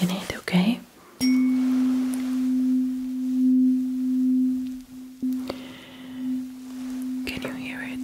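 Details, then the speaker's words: ASMR roleplay cranial nerve hearing test: a struck tuning fork gives a steady low pure hum, restruck a few times, with the listener asked to compare left and right: tuning fork tone. "i'm now going to do some more earring tests i'm going to be needing my tuning fork for this test so i'm ringing it"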